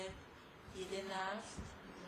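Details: Patient with myasthenia gravis, shown while myasthenic crisis involving intercostal muscles and diaphragm is discussed, looking very tired; dysarthria in myasthenia gravis.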